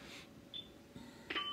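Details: Short electronic beeps and tones as a PB 980 ventilator prompts confirmation of a setting change, lowering time low in a hands-on mode demonstration, with faint room noise.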